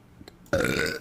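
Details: Female streamer burping in the morning soon after waking, having only drunk water and not yet eaten: a single loud, voiced burp of about half a second after a couple of faint clicks.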